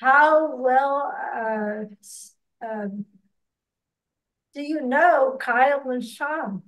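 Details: Ataxic dysarthria in a podcast host who has ataxia and reports working extensively on pronouncing words.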